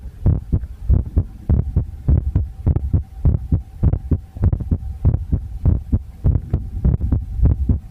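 Steady deep thumping heartbeat, about 100 beats a minute, with a faint background hum.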